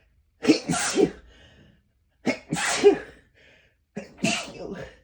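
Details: Three explosive sneezes a few seconds apart after repeatedly holding sneezes back by pinching the nose, each with a sharp indrawn lead-in and forceful release.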